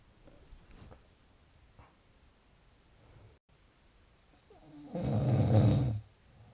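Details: Snoring: a single loud, low, rough snore on an in-breath after quiet breathing.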